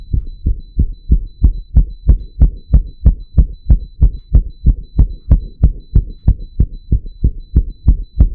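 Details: A person's own real heartbeat, made to beat super fast (tachycardia), recorded while wired to a 3-lead ECG monitor, with the monitor's beeping also audible.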